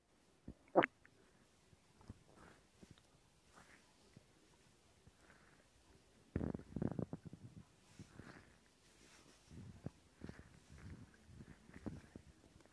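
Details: Stomach growling (borborygmi) from an adult abdomen, recorded as ASMR: irregular gurgling and rumbling bowel sounds.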